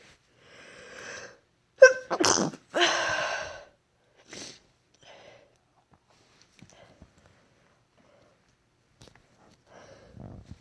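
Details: Drawn-in breath, then a forceful two-burst sneeze and long blast, followed by quiet breathing and sniffs, deliberately induced after months without inducing; an induced sneeze.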